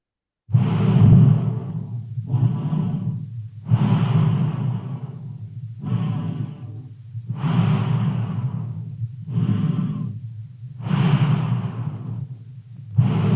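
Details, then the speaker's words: Simulated normal canine breath sounds from a dog auscultation trainer heard through a stethoscope: soft, even inhalation and exhalation alternating at about 18 breaths a minute. "You can hear that sound through the stethoscope is what you would then hear of that breathing."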